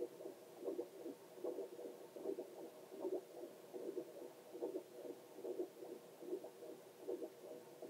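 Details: Normal heartbeat of the person recording, picked up with a Doppler and played as relaxing ASMR.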